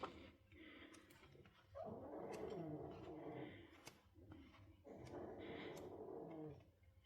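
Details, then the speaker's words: Pug snoring loudly in the background: rattling snores, two long rough breaths about three seconds apart, in a quiet room. "Sorry, you can probably hear my dog snoring in the background. I do have a pug as I said earlier, and his snore is quite outrageous."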